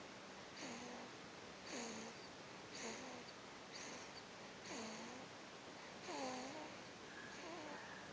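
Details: Small animal snoring in sleep: soft, regular snoring breaths, about 55 a minute, each with a faint whistling squeak.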